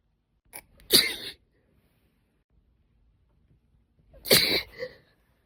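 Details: Two sharp sneezes, each preceded by a brief catch of breath; the sneezing was deliberately induced, usually with a cotton swab stick with the tip removed or a slender spray bottle dip tube.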